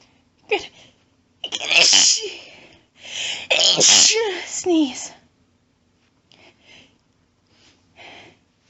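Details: Woman announcing her very powerful sneezes: two forceful, explosive sneezes, each preceded by a sharp in-breath, followed by a few soft breaths.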